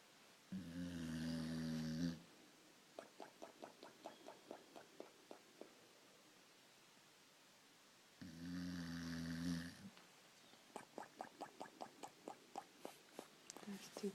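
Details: 3-year-old boxer dog snoring: two long, buzzing snores, each followed by a run of quick lip-smacking puffs on the out-breath; snoring.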